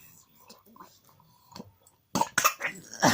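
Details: Child playing with water: quiet murmuring followed by a few loud, harsh cough bursts.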